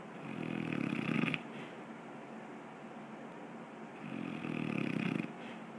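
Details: Person snoring soon after falling asleep: two long buzzing snores on the in-breath, about four seconds apart, with quiet breathing between.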